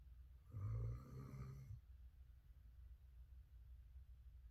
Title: S-norah 😴 the weimaraner snoring on the couch with Coco